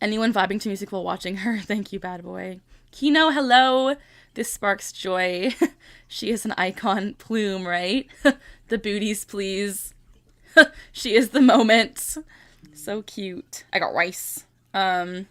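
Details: 25-year-old woman with Tourette syndrome, tics since early childhood, diagnosed at 12; repeated vocal tic phrase interrupting ordinary speech; Tourette syndrome vocal tic.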